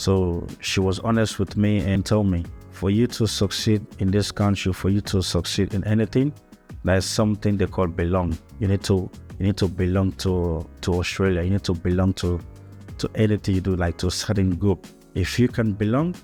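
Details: Adult man who has stuttered since childhood, raised in Africa and later moved to Australia, speaking English, which is not his first language; stuttering.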